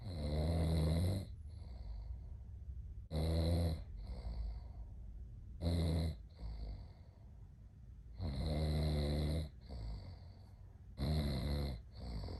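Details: A man snoring during sleep: loud, low, rumbling snores on each breath in, with quieter breaths out between them.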